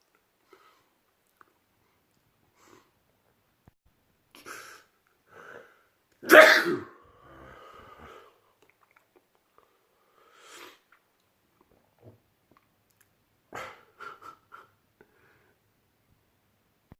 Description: World loudest sneezes and I'm not kidding,